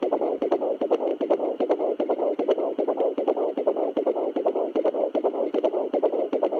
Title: Baby fetal heartbeat on home doppler at 12 weeks 3 days